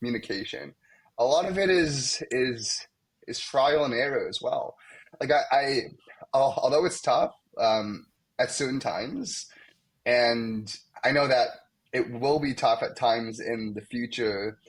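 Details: Young adult male medical student who has stuttered most of his life, with blocks, especially on his name, and sound repetitions; stuttering.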